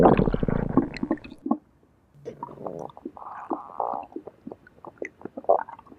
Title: Stomach Growling Sound Effects (FREE TO USE)